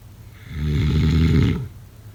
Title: #snoring #snoringasmr #snoringsounds #snoringsleepingsoundeffect #sleepnoises